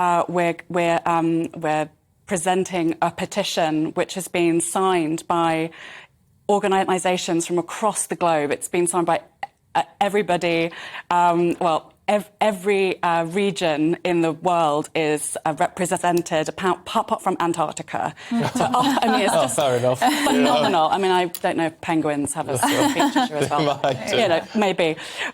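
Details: Adult woman who stammers, attributing it to a tiny delay in the white matter around her speech centres; audible repetitions and fillers; stuttering (stammering).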